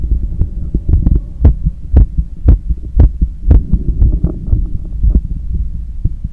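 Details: Fast, strong, regular heartbeat near 118 a minute with breathing noise behind it, heard during cool-down after a long run, with visible neck veins and pulse; normal heart sounds raised by exercise.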